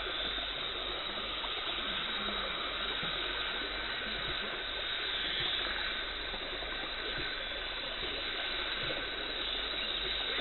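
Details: Dental hygienist's professional teeth cleaning removing tartar and plaque, no talking: steady hissing water spray and suction with a high-pitched instrument whine; dental cleaning instruments.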